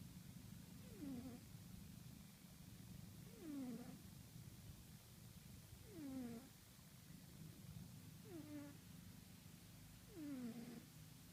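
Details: Soft, high squeaky whistles with each breath, about five over eleven seconds, over a low steady rumble: a pet cat snoring while asleep.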